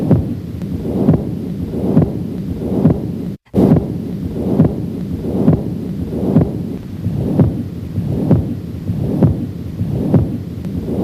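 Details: Patent ductus arteriosus murmur heard at the aortic area on auscultation.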